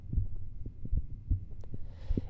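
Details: Normal heart sounds heard with the stethoscope diaphragm at the lower left sternal edge and the pulmonary and aortic areas: soft, regular low thumps with no murmur, and brief rustling at the end.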